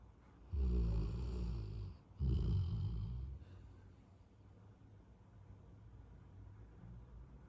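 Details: Two deep, loud, rumbling snores close together, then soft breathing, from a sleeping golden retriever: snoring.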